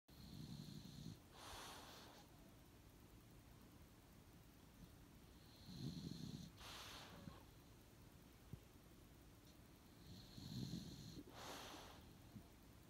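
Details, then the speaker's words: Dog heavily snoring while asleep: three low snoring breaths in, each followed by a hissing breath out, about 14 breaths a minute, with a steady background hum. "some heavy snoring there. It's looking bad."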